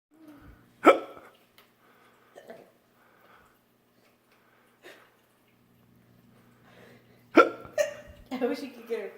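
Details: Mother's hiccups: sharp, abrupt hiccup sounds at irregular intervals in a quiet room, with a child teasing with playful vocal sounds near the end.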